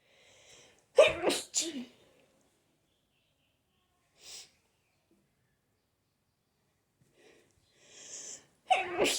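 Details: Spring allergy sneeze attack: three sharp sneezes, each preceded by a quick inhaled breath, in a short run, followed by nose blowing.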